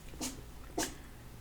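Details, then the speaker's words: Cat sneezing repeatedly, picked up in the background of a home recording. "I don't know if you can hear that. My cat is sneezing her little head off."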